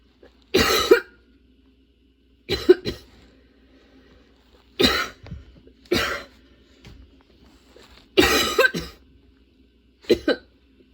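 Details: Prolonged coughing fit that came on suddenly and would not stop, bringing tears and forcing repeated position changes: repeated harsh cough bursts, about six clusters in eleven seconds, some doubled, with brief gaps.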